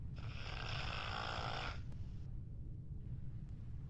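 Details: One long rasping snore over a low, steady background rumble, followed by quieter breathing; a person snoring.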